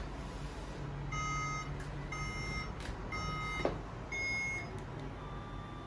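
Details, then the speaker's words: Repeated short electronic beeps over low room hum from a Remy class 4 therapeutic laser during setup and treatment of the plantar fascia, for heel pain, at the patient's third shockwave-and-laser session; patient feels mild heat. "we're going to do class 4 laser on the plantar fascia and what normally happens is if i get my settings right"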